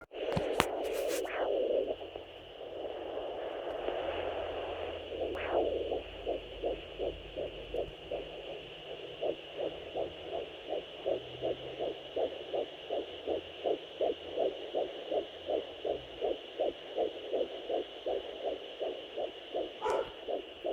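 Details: Fetal Doppler at 12 weeks: an early wind-like placental whoosh, then a fast, regular fetal heartbeat of about 160 a minute; the on-screen rate is incorrect.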